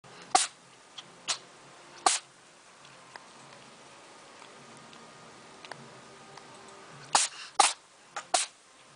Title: Funny cat sneezes 2015